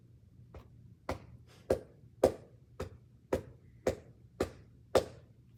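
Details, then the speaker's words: Physical therapy student performs cupped-hand chest percussion over the patient's right middle lobe for airway clearance, steady hollow claps about 110 per minute, before teaching a huff cough. "So what I'm gonna do is cup my hand like this and just do some percussion, and let me know if you have any discomfort, okay?"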